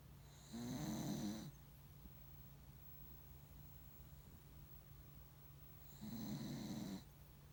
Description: Dog snores loudly next to his poppa.